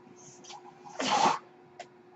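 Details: Mechanical ventilator breath cycle.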